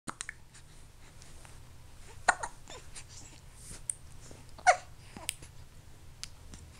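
Short, abrupt catching sounds recur irregularly, about 25 a minute, in a quiet room; hiccups.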